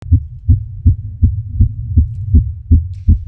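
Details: Girl's heartbeat recorded on a very sensitive microphone with volume increased: strong, regular low thumps at about 160 a minute, accelerating at first then calming a little; fast heartbeat.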